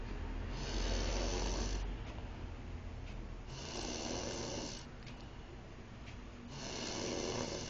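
Rough, noisy snores with each breath, separated by quieter gaps; ordinary snoring.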